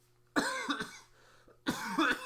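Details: Two bursts of short, slightly chesty coughs, three or four in all, from someone talking during a livestream.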